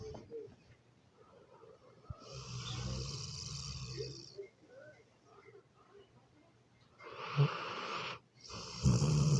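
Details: Dog snoring close to the microphone: snuffly, irregular snoring breaths with a low background hum; snoring.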